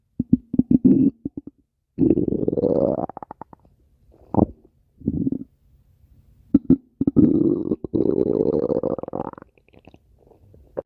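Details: Stomach growling (borborygmi), heard close up: loud gurgling and rumbling in irregular bursts, some with a rising, squeaky pitch.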